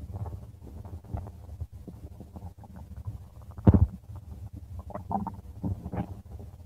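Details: Stomach rumbling from a subject: low gurgling rumbles with a louder burst midway, ordinary bowel sounds.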